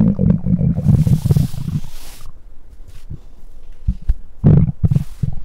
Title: Mic Up Stomach Growls 2